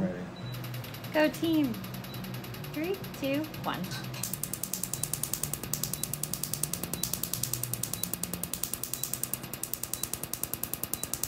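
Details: Laser tattoo removal device firing rapid steady snapping pulses during a treatment session with countdowns, with brief talk and squeaky sounds before.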